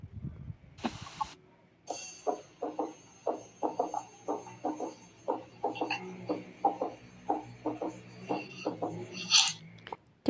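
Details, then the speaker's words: Heart auscultation sample with repeated three-part 'tum-ta-ta' gallop rhythm instead of clear 'tum-ta', identified as a third heart sound (S3 gallop) in a teaching exercise. "O segundo som aqui que eu coloquei já é a terceira bulha, porque se a gente for observar aqui, a gente não escuta claramente tum tá. A gente tem como se fosse um tum tatá, tum tatá, tum tatá."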